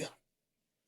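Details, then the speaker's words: An adult sneezes during a podcast conversation; listeners call it the weakest sneeze they have heard. ">> I thought that first sneeze was your sneeze. I was about to crack on. That was the weakest sneeze I've ever heard."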